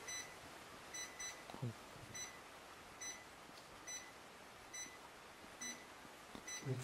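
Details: Short electronic beeps repeating at roughly one-second intervals with occasional low thumps over room noise; a ZOLL R Series defibrillator monitor during transcutaneous pacing; defibrillator pacing beeps.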